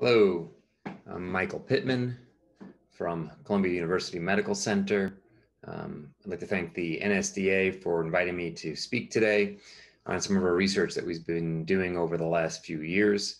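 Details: Adult male speaker giving a talk; Ordinary adult speech.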